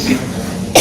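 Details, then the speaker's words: Acted cough performed as a prank, with the person claiming a cold and bad dizziness: a single short cough. "Aku batuk loh. Aku lagi pilek loh. Aku pusing banget."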